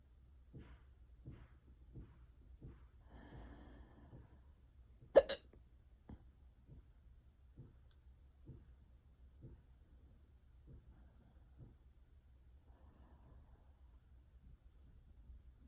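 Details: Unusually bad, persistent bout of hiccups: short, abrupt gulping hiccups roughly every second, about fourteen in sixteen seconds, with one louder sharp click.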